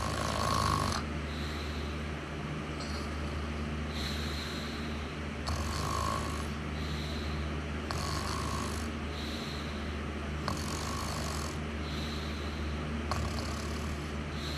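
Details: Repeated low, rumbling snores with each breath against a steady background hum: snoring.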